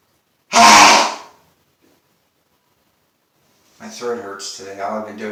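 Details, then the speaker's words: One loud, explosive sneeze provoked by sniffing pepper during a long bout of repeated sneezing, followed by silence and brief speech. "that was a lot of sneezing i'm going to wait before i put more pepper on my nose"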